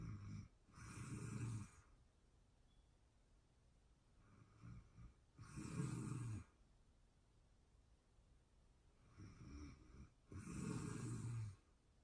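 Loud, low, rattling snores about every four to five seconds, with quiet pauses between them; snoring during sleep.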